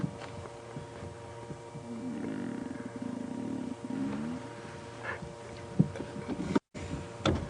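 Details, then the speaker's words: A sleeping, curled-up lion from the Nkuhuma pride at Djuma Game Reserve snores with deep, rough, rumbling breaths over a steady engine-like hum during an afternoon safari drive; lion snoring. "hey decide small there's jr. curled up here we go did you guys hear it pays the snoring lion"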